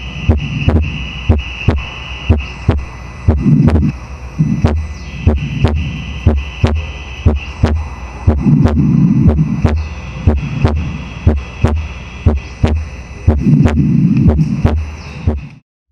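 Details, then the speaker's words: Wide splitting of the second heart sound on a simulation model at the pulmonary area; split persists in both inspiration and expiration but widens on inspiration, which is pathological. "Desdoblamiento amplio del segundo ruido cardíaco. Desdoblamiento amplio del segundo ruido cardíaco. Aquí, ¿qué va a pasar? Se desdobla el ruido tanto en inspiración como expiración, que eso ya es patológico, eso no es normal que pase en inspiración y en expiración."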